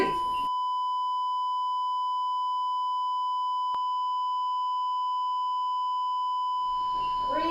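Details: Simulated, artificially created and edited patient monitor alarm: a steady, unbroken tone during a staged resuscitation of a woman in pulseless fibrillation, with shocks and CPR.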